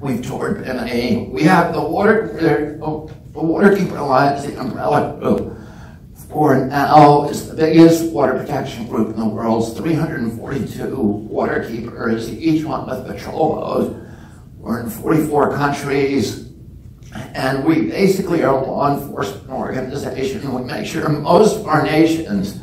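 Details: Adult man with spasmodic dysphonia (self-described as spasmodic dystonia), onset at age 42 after a previously strong voice; he says the voice tremble lessens or goes away after speaking a while and is not painful.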